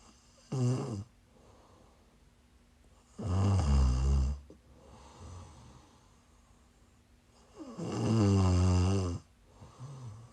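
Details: Live-streamed sleep recording of a sleeper who is sick: loud, rumbling snores on inhalation, about 13 breaths a minute, with quieter breathing between and a steady low room hum; snoring.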